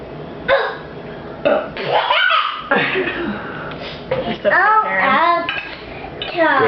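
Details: Young girl giving several loud, drawn-out voiced belches, with laughter and kitchen noise around; she learned to burp from her dad, who is asked to burp too: burping.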